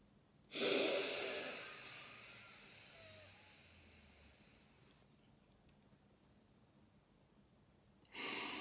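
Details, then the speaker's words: Adult demonstrating occupational spirometry technique: full breath in, good seal on a disposable mouthpiece, then a long, smooth, steady breath out fading gradually over several seconds. Slow vital capacity spirometry blow. "I brought up the mouthpiece I made a really good seal around the disposable mouthpiece and I gave a nice smooth smooth blow steady blow nothing nothing difficult about that"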